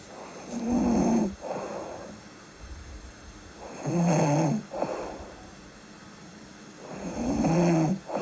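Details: Real sleep snoring with breathing: rhythmic rattling snores on each in-breath, about 18 breaths a minute, with quieter out-breaths between; snoring.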